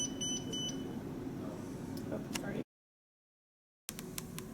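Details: Zoll monitor: short electronic beeps over low room hum, then brief silence and more clicks, as the knob is turned to the defib setting; the defibrillator mode tone.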